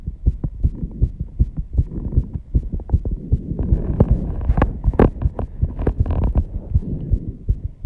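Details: Sinus tachycardia at 134 bpm after intense exercise with heavy breathing, loud enough to hear without a microphone at first: fast, strong, regular heartbeat thumps.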